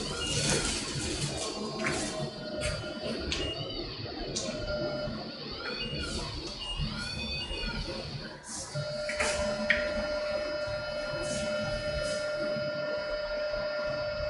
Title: 112. Sounds during phacoemulsification